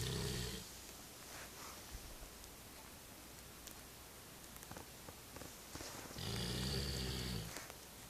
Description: Big dogs snores so loud, snoring, funny cute dog, retriever dog